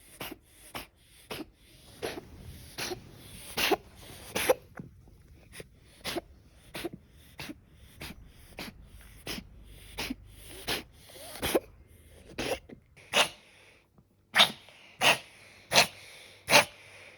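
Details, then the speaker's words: Male mixed-breed cat, 2–3 years old, with a long run of short, sharp, dry hacking coughs; vet X-rayed lungs and said it could be chronic bronchitis; appetite and behavior normal. "I took Nyantaro to the hospital I had my vet take an X-ray of my cat's lungs. The vet said it could be chronic bronchitis."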